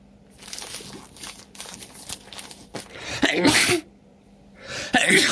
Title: Intense Cold Sneezing Fit And Nose Blow